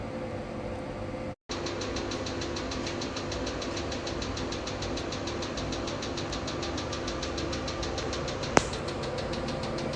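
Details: Steady machine hum with rapid, regular clicking pulses and a faint whine from a 2-in-1 808 nm diode and pico laser machine firing during hair removal treatment.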